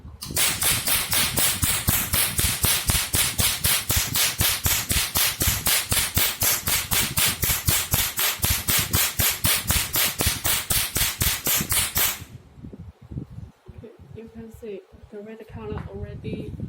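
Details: Rapid sharp snapping clicks at about four per second for twelve seconds, then stopping, as the laser handpiece of a multifunctional OPT/RF/laser machine fires pulses with its 532 tip, used for removing red and colored tattoo pigment.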